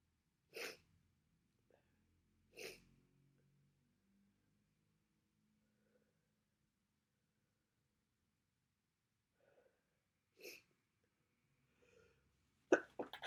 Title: Congestion, sniffling, sneezing bad cold.